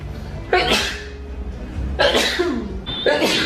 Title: sneezing compilation